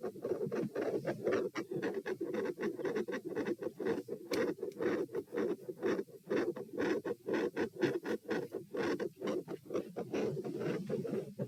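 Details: Stethoscope heart auscultation at position P during a stress test (standing, knee bends, deep breaths, sitting, lying; rates 126-138 then 96 bpm); fast steady beats near 120/min with scratchy contact noise, deep breaths not slowing rate; elevated heart rate.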